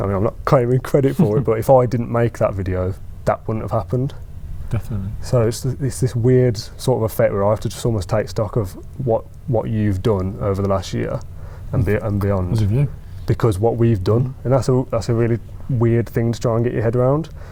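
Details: Stuttering (stammering) in an adult man who stammers, giving a talk on stammering.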